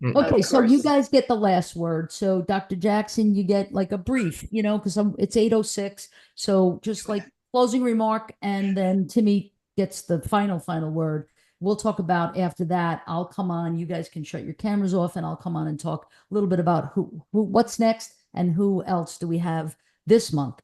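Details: Adult woman speaking; Normal speech.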